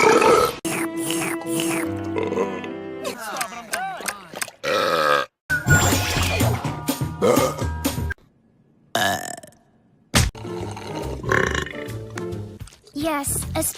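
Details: Acted burps by female cartoon characters: several loud, drawn-out belches cut together between bursts of music and voice; burping from an animated show.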